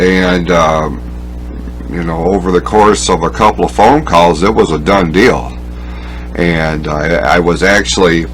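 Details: Speech impediment with disfluency in a male speaker who describes his own speech impediment; he says he must concentrate on his speech and that background noise interferes with his listening.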